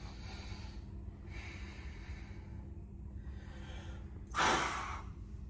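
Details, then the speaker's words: Acted peak flow meter demonstration, 42-year-old male with 5-year moderate persistent asthma: after a deep breath and sealed mouthpiece, one short, sharp, forceful blow out. "Um, next is uh take a deep breath, seal the mouthpiece, and blow as high as possible."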